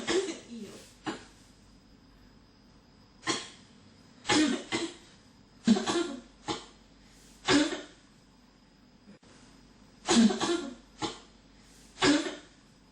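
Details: Persistent cough that won't stop: about a dozen harsh coughs, often in pairs, over thirteen seconds with brief pauses.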